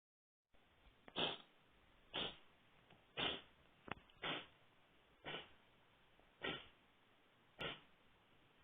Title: Кот кашляет